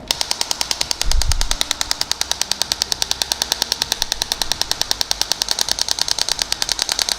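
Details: Shock wave therapy device firing over the Achilles tendon, moving over the swollen area: rapid, steady clicking at about three pulses a second.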